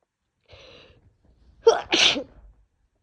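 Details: A soft intake of breath, then a sharp, wet, explosive sneeze with brief trailing sound from a woman coming down with a cold and worsening cough; sneezing.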